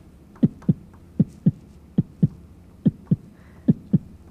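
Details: Clear, steady paired lub-dub beats at about 125 a minute, a person's heartbeat played close up during a children's heart-drawing art activity; normal heartbeat.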